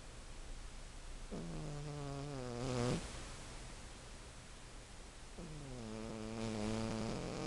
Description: My 15 year old cat, Toy Toy snoring